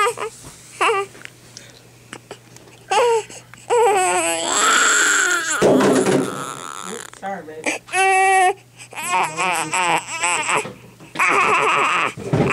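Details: An infant cries intermittently in rising and falling wails and whimpers, separated by pauses, with a steady low hum in the room.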